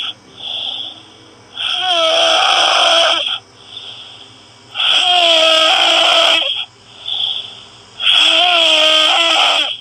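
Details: Person snoring, listener asking whether it is normal: loud, harsh, high-pitched snores with a whistling, almost squealing tone about every three seconds, softer sounds between.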